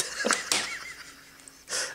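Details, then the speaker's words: Young boy sneezing three times in a row: three sharp, explosive sneezes in quick succession with quiet room noise between. "that was pretty intense sneezing yeah you know it's kind of intense"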